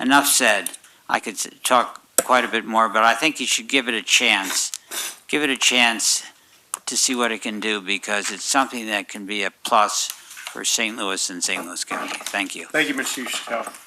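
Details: Adult male speaker in a meeting room; Normal speech.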